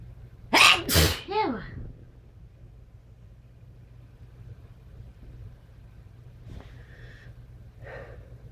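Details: Two forceful sneezes in quick succession, then a short vocal sound, over a low engine-like hum; sneezes.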